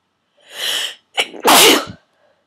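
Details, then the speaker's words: Self-induced sneezing with a plastic tag holder, one of 16-17 forceful sneezes, eyes streaming: a drawn-in breath followed by a loud, forceful sneeze burst; sneezing. "Ow. Sneezing so hard I'm literally crying."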